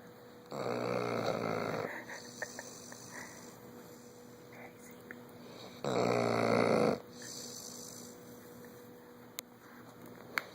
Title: can sure snore!